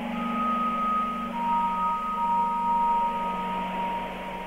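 Soft, steady layered tones with gentle chime-like notes and a low hum: a calming sound program a hearing aid plays for tinnitus relief.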